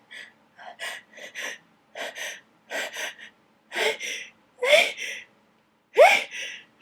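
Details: Sneezing fit triggered by a dusty attic, sneezer trying to hold back: run of short catching in-breaths building in strength, ending in strained, partly stifled, messy sneezes.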